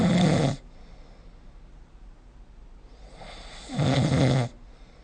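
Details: Snoring recorded with the SnoreLab app: loud, rough snoring breaths separated by quiet pauses during sleep.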